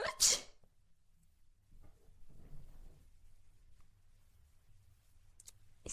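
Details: AI-generated (Sora2) clip: one loud, sharp, hissing sneeze, then quiet breathing and soft room noise; a single sneeze.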